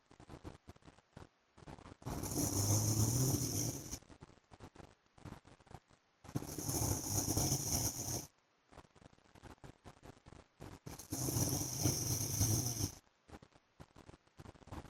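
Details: Snoring from an adult man (husband) during sleep: harsh, rasping snores about every four to five seconds, around 13 a minute, with crackly background noise between them.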